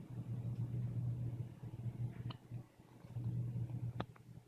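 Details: Two brief, sharp catching clicks about 1.7 seconds apart over a steady low hum, in hiccups that have persisted for two days; hiccups.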